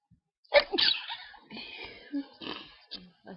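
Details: Sneezing from hay fever at night with itchy, tickly nose, unable to sleep: a forceful sneeze with a sharp intake beforehand, then a few soft breathy sounds.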